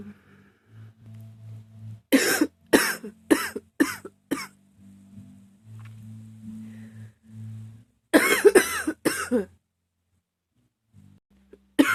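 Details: Never-ending coughing fit that the person says they can't stop: about a dozen harsh coughs in two runs, with faint background music between spells.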